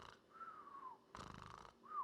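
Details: A person imitates snoring, a rasping breath in and a whistling breath out, repeated.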